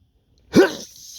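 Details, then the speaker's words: Allergic sneezing from dust at work: one sharp explosive sneeze after a short indrawn breath, followed by a fading hiss. "huh my goodness it's so strong today I think of I feel Edward hey has [ __ ] oh my goodness bless me"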